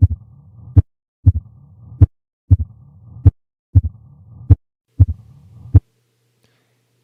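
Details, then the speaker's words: Mitral stenosis murmur heard with the stethoscope diaphragm at the apex; low-pitched murmur that the bell picks up better than the diaphragm. "the sounds that classically fall into that category are a mitral stenosis murmur an s3 and an s4 s3 and s4 are covered in my companion lecture on heart sounds"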